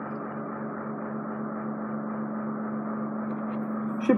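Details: Right ear of an adult man, fully occluded by matted hairy wax causing severe hearing loss, cleared with endoscopic microsuction after drops. Steady whining suction hiss, ending in a brief crackling slurp as wax is drawn in.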